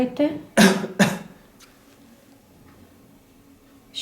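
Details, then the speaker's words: Two short, strong voluntary coughs given on request during an OSCE chest auscultation exam, used to help tell main breath sounds from added sounds, with brief speech just before. "ми зробили декілька прийомів по сили форгова подихати глибоко покашляти це необхідно для диференційної діагностики основних і додаткових дихальних шумів"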